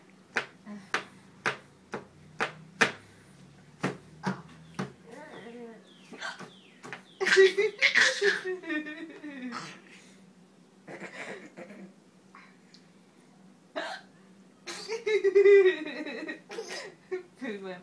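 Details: Brief, abrupt hiccups, irregular at first, from a mother, followed by her little boy's laughter and voices as he finds them funny; hiccups.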